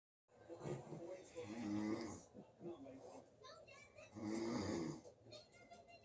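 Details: An adult man (a father) snoring, with rough, rattling snores mixed with a young child's laughter and babble; ordinary snoring.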